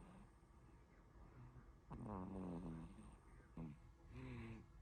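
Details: Soft, low, rattly noisy breaths in a sleeping, tired 5-month-old baby, with faint room noise; light infant snoring.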